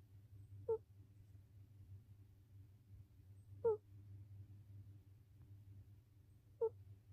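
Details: Rescued cat, later ill with lymphoma and renal failure, snoring rhythmically from low to high pitch.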